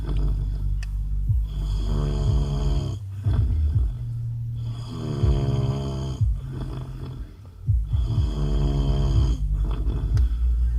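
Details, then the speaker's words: Husband snoring while asleep in a car after an outing: loud, deep, rattling snores on each breath in, about three breaths in ten seconds. "Look at him, just snoring his ass off."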